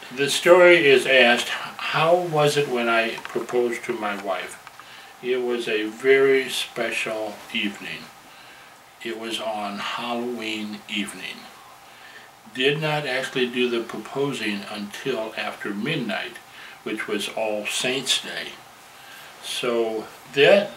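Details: Adult man speaking; normal speech.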